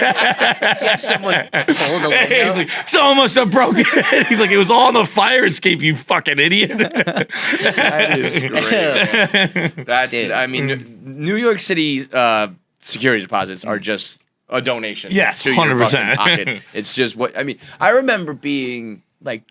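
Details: Adult male with stutter onset at age 20 after a softball injury (ball to throat, head strike), with major concussion and minor vocal contusion, later diagnosed by a neurologist as neurogenic stutter; neurogenic stuttering.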